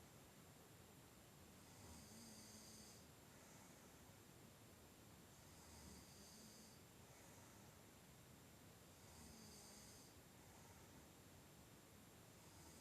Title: Sleep and Snoring